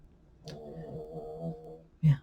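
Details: Low, droning, fluttering breath sound with a louder rough burst, typical of snoring, from the son of a bedridden elderly woman at end of life with end-stage empyema, pneumonia, RSV and internal bleeding.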